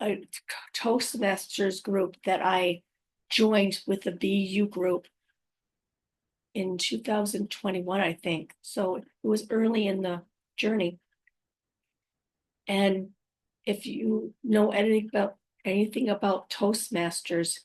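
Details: Woman five years after a stroke who says she has aphasia, apraxia of speech and dysarthria, and that her speech can sometimes be hard to understand. Aphasia with apraxia of speech and dysarthria.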